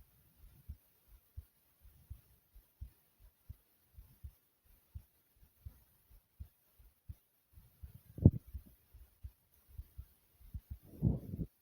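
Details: Female heartbeat recording: steady, soft low thumps, about 85 beats a minute, paired lub-dub sounds; heartbeat.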